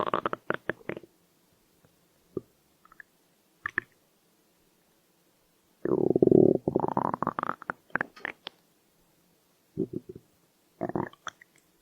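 Irregular gurgles and a longer rising growl between quiet gaps; ordinary stomach growling.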